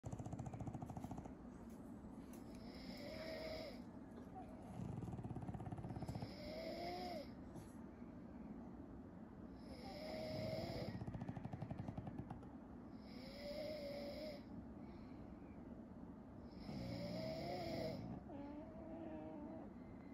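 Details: Snoring from Rocket, a French Bulldog: loud rattling snores with each breath, about one every three to four seconds, over a steady mechanical hum.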